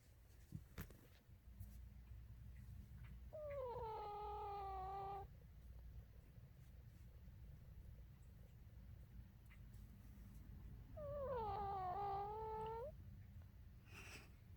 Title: Cutest Dog Snore Ever